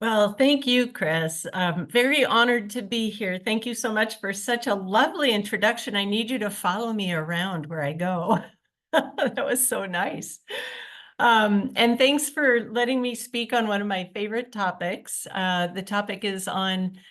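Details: Adult woman speaking; normal speech.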